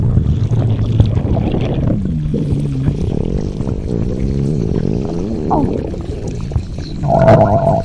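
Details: Long, low gurgling and rumbling with wavering pitch, like liquid and gas moving, from a woman lying in bed: stomach growling (borborygmi).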